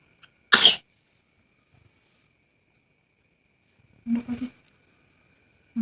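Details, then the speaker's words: Child with flu, cough and blocked nose, struggling to breathe and restless during steam therapy: a sharp sneeze, then a short burst of wet coughs. "anak saya ini lagi flu dan batuk hidungnya mampet sehingga susah bernafas ketika tidur mata ngantuk tapi susah bernafas sehingga gelisah dan rewel nangis terus dan batuk terus"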